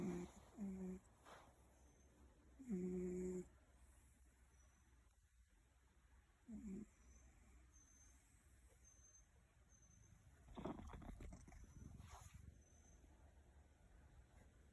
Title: Loud Snoring Cat